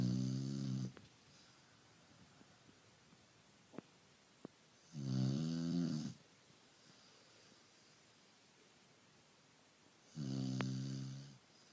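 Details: A dog named Lola snoring while asleep: loud, rattling snores about a second long, roughly every five seconds, with quiet breathing between.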